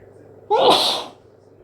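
One loud, wet, explosive sneeze with a short voiced onset, typical of allergic rhinitis (hay fever).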